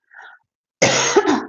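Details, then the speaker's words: Single loud, harsh cough burst after a faint sound, followed by brief throat-clearing, during a live stream; the person says it is not really a cough but due to a medication. "My gosh, why am I coughing? No, it's I haven't got a cough. It's just a medication."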